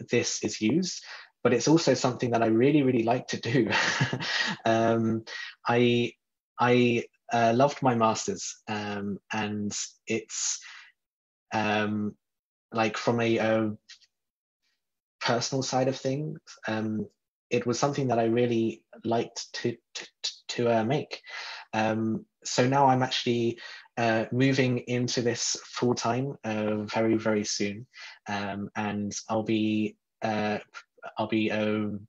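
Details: Adult man who describes himself as a person who stutters; stuttering.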